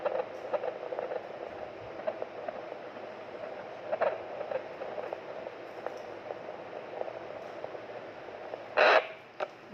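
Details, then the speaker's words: Fetal heartbeat on a Doppler fetal monitor at full-term (9-month) pregnancy during labour: rapid, regular galloping pulses, roughly 140 per minute, within the normal 110–160 range; normal fetal heart sounds. "Normal बच्चे की धड़कन 110 से लेकर 160 तक हनी चाहिए"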